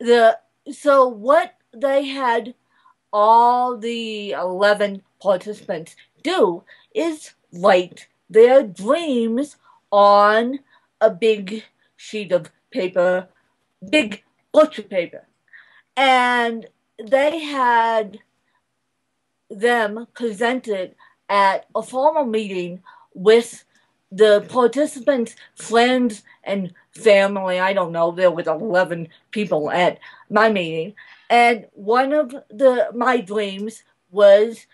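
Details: Adult woman born in 1987 with cerebral palsy from a birth injury, usually lack of oxygen; she reports a slight speech impediment that has improved over the years; the finding is dysarthria.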